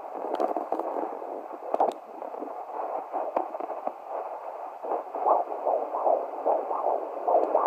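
Rapid swishing Doppler pulses, near 150 a minute, of fetal heartbeats from twins at 16 weeks.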